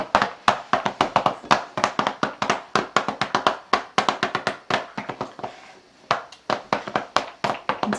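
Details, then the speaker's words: Rapid hollow clapping, about four claps a second in an alternating beat, two-handed, with a short pause: manual chest percussion physiotherapy on a toddler with cystic fibrosis to loosen thick mucus. "of doing a constant drum I actually root alternate the beat so that my arms don't get as tired the other thing we found that helps is to do two hands instead of one because it shortens it by half the time"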